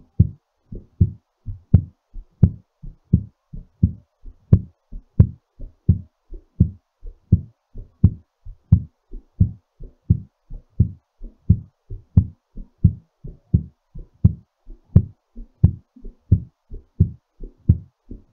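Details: Steady lub-dub heartbeat at about 87 beats a minute, slightly quick as the heart settles after exercise; normal heart sounds.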